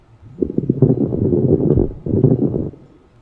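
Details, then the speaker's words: Coarse crackles in a paediatric pneumonia teaching example: low, deeper, bubbling, popping crackles over two breaths, contrasted with fine crackles. "yes this is quar crackles so let's hear it it is like deeper"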